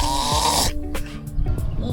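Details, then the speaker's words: Adult man snoring while sleeping in a tent at dawn; his girlfriend noticed pauses in his breathing (sleep apnea). A loud, harsh, nasal snort-like snore under a second fades to quieter breathing over background music. "The way I scream through my nose sounds just like an animal, but thinking that my girlfriend has to listen to this sound every night makes me feel a little sorry..."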